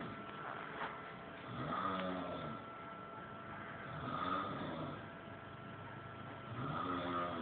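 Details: Snoring after a long night out: three rough snores about 2.5 seconds apart over a steady background hum; ordinary snoring.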